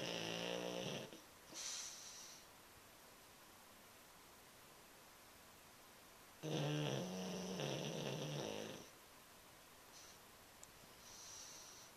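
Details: Sleeping pet snoring, tail twitching a couple of times: two loud rattling snores with quiet gaps between them in a small room.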